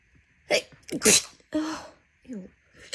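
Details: Induced sneezing in someone whose nose had itched all day: quick wet, messy sneezes, each a sharp in-breath then an explosive burst, followed by a short voiced sound.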